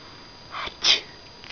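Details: A person sneezes once, a brief in-breath then one short sharp sneeze in a quiet room; the pet cat Kiki is said to chatter or chirp whenever someone sneezes.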